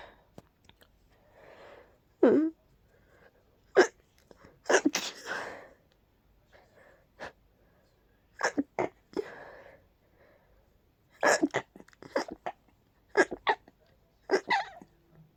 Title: Desperate Pollen induced sneezes 🤧